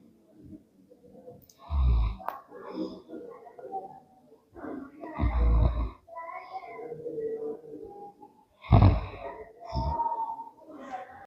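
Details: Child with cerebral palsy snoring while awake: loud, rough, snore-like rattling breaths mixed with moaning voice sounds; snoring-like noisy breathing while awake as a clinical sign of cerebral palsy.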